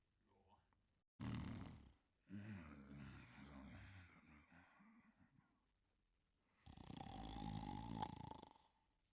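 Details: Cartoon sound effect from a 1988–1989 animated series of a character sleeping: deep, rumbling snores alternating with a whistling out-breath, with quiet gaps; simulated snoring.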